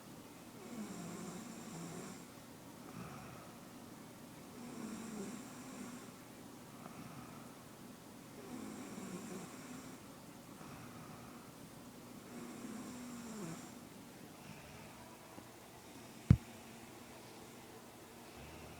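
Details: Snoring: low, rattling snores on each breath, about 15 a minute, steady and regular, with one sharp knock near the end.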